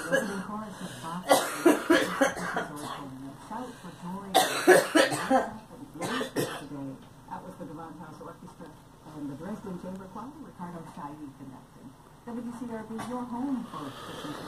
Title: Girl coughing